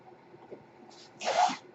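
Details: A speaker's home mechanical ventilator cycles audibly while he talks: a brief soft hiss, then a louder rushing air puff over quiet room noise.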